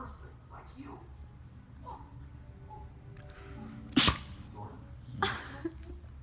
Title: Husky sneeze!